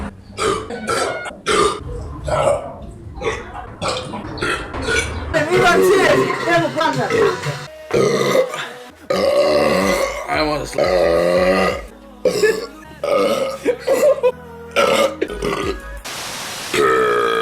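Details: Compilation of repeated loud, drawn-out voiced belches over background music; burping.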